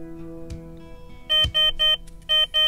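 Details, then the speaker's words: Six short, evenly spaced high-pitched electronic beeps over low background hum: an audible alarm from the SPIRIT diaphragm pacing transmitter, which signals alarm conditions, e.g. an antenna disconnected or wire damaged while that side is on. "alarms the spirit transmitter indicates alarm conditions through two types of alarms sound alarms and visual alarms"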